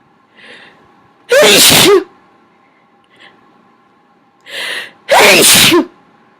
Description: I really suck at holding back. More loud, wet sneezes.